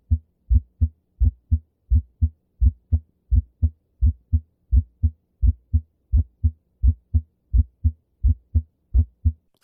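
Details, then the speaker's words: Heartbeat near 86 a minute with the first heart sound split into two closely spaced components; physiological splitting varies with respiration, while pathological splitting is heard on both inspiration and expiration. "зависит от фазы дыхания во время глубокого вдоха увеличивается приток крови к правой половине сердца и трехстворчатый клапан закрывается чуть позже а во время выдоха расщепления становится едва слышимым или вовсе исчезает"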